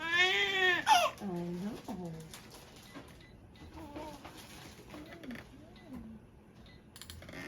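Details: Newborn baby girl just after birth, as the father has cut the cord: a loud high-pitched cry fading into softer whimpers and fussing; a healthy newborn's cry.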